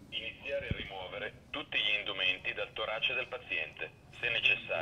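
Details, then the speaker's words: Thin, tinny recorded voice from an automated external defibrillator switched on in a public-square demonstration, instructing to bare the patient's chest and pull out the white adhesive electrodes, repeating until done; AED voice prompts. "e chiaro che lui ora ripete ripete sempre l'azione da fare finché l'azione non vie"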